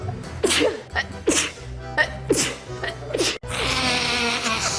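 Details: Compilation of YouTubers' allergy sneezes: several sharp sneeze bursts in quick succession with music behind; allergy sneezing.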